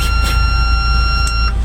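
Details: Simulated CPR demonstration in an ambulance, with a mechanical chest compressor pausing for analysis: a steady electronic defibrillator tone ends abruptly with a brief higher chirp as the shock is delivered, over vehicle rumble.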